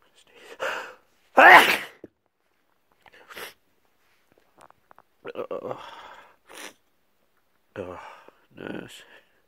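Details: A sneezing fit of about five sharp sneezes with short pauses, some preceded by a quick intake of breath, in a person with a cold.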